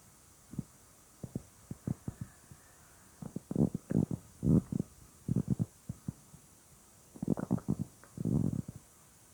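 Irregular gurgling and rumbling bursts from the abdomen, loud bowel sounds (borborygmi) from gas and fluid moving through the gut.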